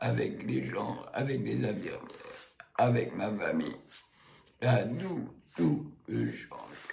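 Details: Adult man speaking with a Provox voice prosthesis after total laryngectomy (larynx and vocal cords removed), speaking again for four years with the prosthesis; tracheoesophageal speech.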